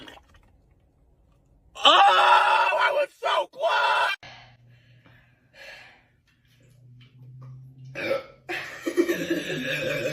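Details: Person attempting the Sprite challenge (drinking a bottle fast without burping) fails: several loud, drawn-out throaty burps with short pauses, then laughter and talking; repeated burping.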